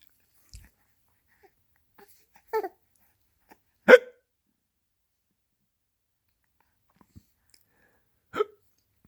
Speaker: Somebody's got the hiccups.